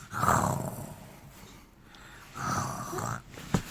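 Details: Child pretending to sleep imitates snoring: two rough, snorting breath sounds with a pause between; simulated snoring.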